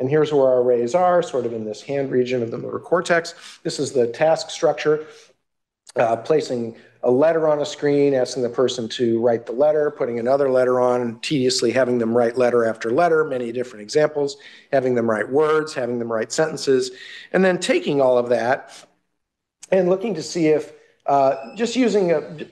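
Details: Adult man; normal speech.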